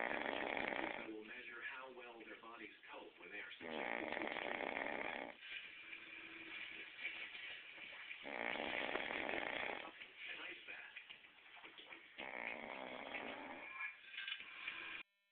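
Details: A man who claims he never snores gives loud, harsh, fluttering snores in repeated bursts, with a muffled, narrow sound quality: snoring.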